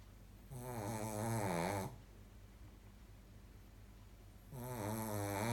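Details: Shih tzu dog snoring: two long, loud, vibrating snores about four seconds apart, with a whistling tone on each in-breath.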